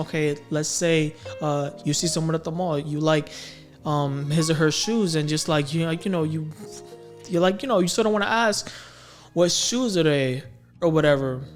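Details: Stuttering in a male adult who has stammered since about age six or seven.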